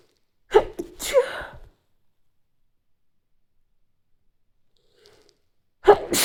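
Two quick sneezes in succession, a long quiet pause, then a third sneeze begins at the end.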